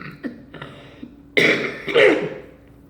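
An adult gives a couple of quiet throat-clearing sounds, then two louder, rough cough bursts in a quiet room.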